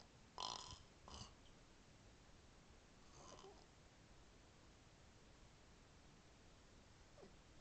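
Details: Snoring recorded on an iPhone: brief, rough snorting noises repeating every few seconds with each breath against a steady low hiss.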